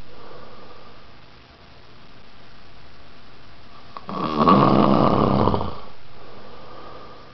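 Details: Adult man (an uncle) snoring: one loud, rattling snore lasting about two seconds over quiet room hum.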